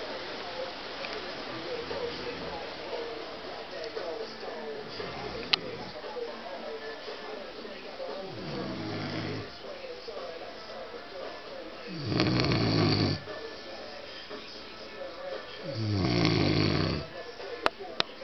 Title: me snoring